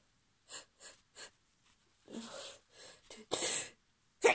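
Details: Held-back sneezes from a female: three short nasal catches, then building breaths ending in a muffled, stifled burst.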